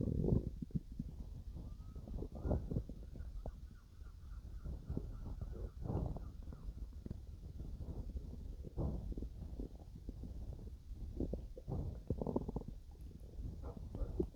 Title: my stomach growling while digesting some food